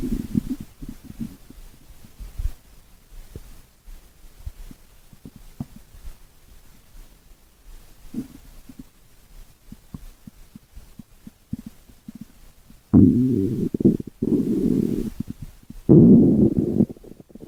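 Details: Stomach growling (borborygmi): low gurgling and rumbling from the belly, with two longer loud growls near the end.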